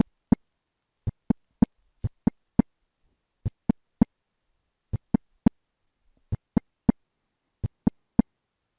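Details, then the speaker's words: Simulated slow heartbeat in repeating triplets: a soft, lower-pitched extra sound just before S1, typical of a stiff ventricular wall, an S4 gallop (fourth heart sound) that is often hard to hear. "this one people often have trouble hearing you have to kind of anticipate the sound because the sound comes right before s1 also keep in mind your s 3 s and s 4 s are going to be softer and lower pitched and the s1 s2"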